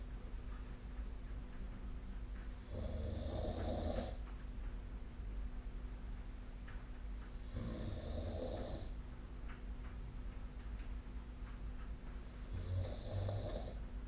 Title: 🐽 本日のイビキ / Snoring Sleep Sound 2025/05/10